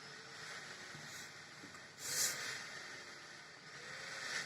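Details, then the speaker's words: Nidek Breath Smart BiPAP machine with built-in humidifier, just started, its screen graphing pressure and volume while a blinking indicator shows the patient triggering breaths: steady airy hiss with a louder rush of air on each delivered breath. "देखिए मैंने start किया तो देखिए यहाँ पे आपको पूरा graph, कितना प्रेशर जा रहा है, कितना वॉल्यूम जा रहा है, पूरा ग्राफ आपको दिख रहा है। और ऊपर जो ब्लिंक कर रहा है यह पेशेंट ट्रिगरिंग, मतलब पेशेंट ट्रिगर कर रहा है।"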